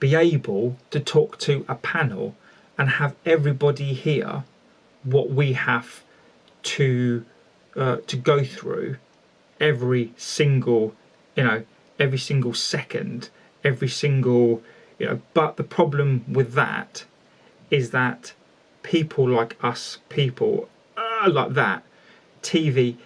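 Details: Stuttering in a male speaker who stammers, with whole-word repetitions such as 'the the' and 'are are'.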